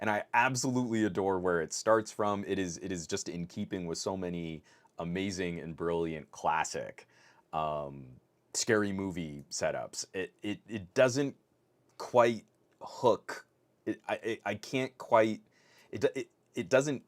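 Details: Adult male podcast host who says his stutter is starting to kick in; stuttering with word and part-phrase repetitions.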